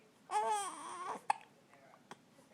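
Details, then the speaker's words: Baby boy with hiccups, fussy and seemingly bothered: a short fussy cry followed by two sharp, abrupt hiccup sounds about a second apart, in a quiet room; infant hiccups. "oh no bless him what's wrong those hiccups making you angry oh what a face bless him little heart"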